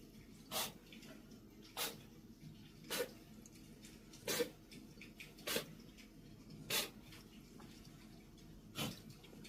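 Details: Cat sneezing, cause unknown to the owner: seven short, sharp sneeze bursts about one to two seconds apart, with faint room noise between them.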